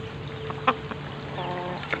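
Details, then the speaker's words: Fighting rooster with a throat disorder (ngorok), attributed to extreme seasonal change: brief snicking bursts and a short rattling, snore-like sound, consistent with upper airway respiratory rales. "Oke teman-teman ini dia ayam yang mengalami gangguan tenggorokan ya itu ngorok"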